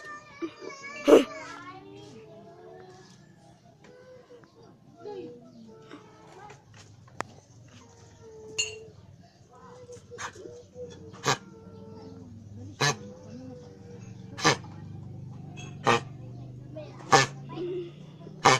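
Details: Dogs coughing indoors: about six or seven short, sharp cough-like bursts over soft whines or voices.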